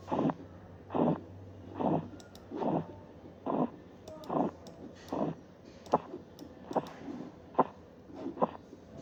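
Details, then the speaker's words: Korotkoff sounds from a blood pressure teaching example: regular soft thumping taps at about 72 per minute, changing in character as cuff pressure falls slowly; measured pressure 94/34 mmHg. "en este caso la presión arterial estaba en 94 con 34"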